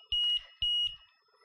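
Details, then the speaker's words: LTV 950 laptop ventilator just switched on, running on its internal battery: two quick high-pitched repeating beeps, a low battery alarm with amber shown in the window, meaning it needs to be plugged in. "so see we've got battery low and we've got amber in the window"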